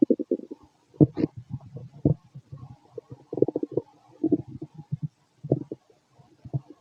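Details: Fit male after a bowel movement: bursts of low gurgling and rumbling from the abdomen, ordinary bowel sounds (borborygmi).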